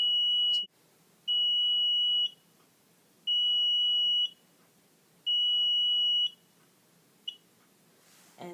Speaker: let's talk about programming this pump so first of all we'll clear it there's usually four beeps